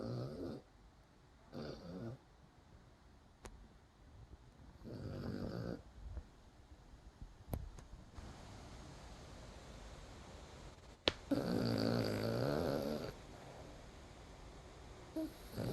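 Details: Dog snoring with rough, rattling snores in irregular bursts, steady rain and open windows in the background; ordinary snoring.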